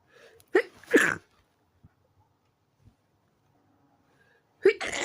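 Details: A midnight sneeze attack while trying to sleep, blamed on a sensitive nose: two quick sharp sneezes, a pause, then a third beginning; a short run of sneezes.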